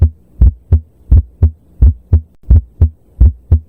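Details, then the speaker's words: At the left lower sternal border, regular heartbeat near 86 a minute with S1 heard as two distinct components as the mitral and tricuspid valves close at different times: split S1. "You listen at the left lower sternal border and you hear two distinct components of S1 almost like lubdub. This happens when the mitral and trauspit valves close at different times."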